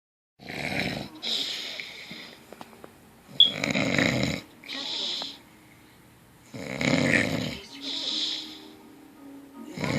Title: I dont snore...